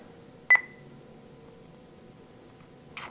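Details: Single sharp high beep, then another about 2.5 seconds later, as keypad keys are pressed while programming a dopamine infusion for a 100 kg patient on a Sapphire multi-therapy single-channel infusion pump in a setup demonstration.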